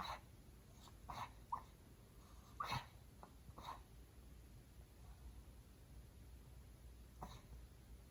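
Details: 12-year-old cockapoo dog taking several short, quick, snorting inhalation bursts with fast breathing, a reverse sneeze episode.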